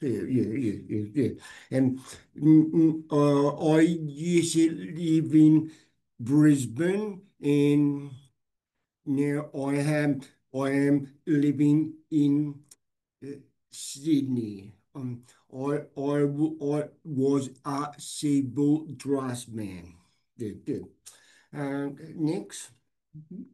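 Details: Adult man with aphasia after a stroke 6 years ago, hospitalized 6 months; he reports difficulty speaking and has not read anything since.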